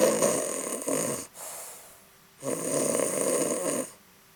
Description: My adorable but very lazy cat Sofi sleeping on top of the couch and snoring